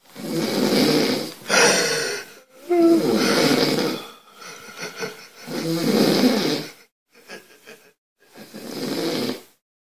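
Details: Daley snoring: loud, rough, rattling snores on each breath, about 21 per minute, with short silent gaps between them.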